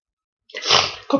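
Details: Adult with a cold, cough and flu: one sudden, explosive, hissing sneeze after a brief intake of breath.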